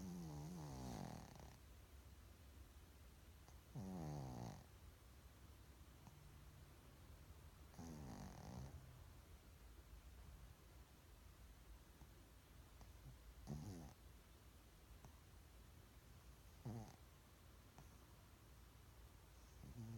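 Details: Snoring: quiet, low rumbling snores with brief snorts, irregular, roughly 16 a minute, in a quiet room.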